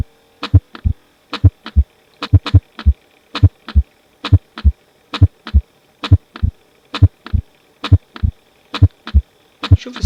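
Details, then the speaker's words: Physiological splitting of the second heart sound, best heard at the upper sternal border, in a pediatric heart sounds lecture. Regular sounds near 67 a minute; S2 splits on inspiration and is single on expiration, a normal finding. "الساوند اثناء الانسبريشن وادي الساوند اثناء الاكسبيشن البب هيحصل سبليت لسك هار"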